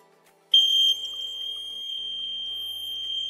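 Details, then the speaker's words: Invacare Perfect oxygen concentrator time-out alarm test, compressor power disconnected so no compressed air reaches the sieve beds and oxygen is below 73%: steady high-pitched continuous alarm tone with service light; oxygen concentrator continuous alarm. "As you can hear, a continuous outgo alarm has been activated. This is because no compressed air is being sent from the compressor to the seats for oxygenation."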